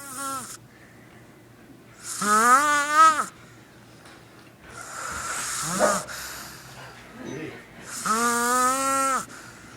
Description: My brother claims he don't snore but I got him hahaha